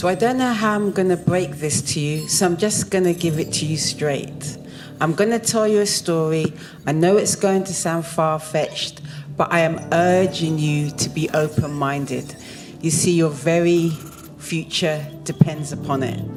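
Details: Adult woman speaking; ordinary speech.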